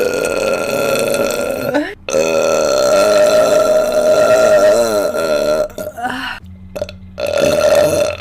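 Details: Burping brought on by thigh squishing: long, drawn-out voiced burps with a steady droning pitch, broken by brief pauses, faint background music.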